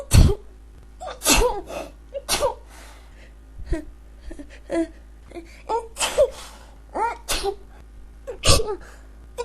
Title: Can't Stop Sneezing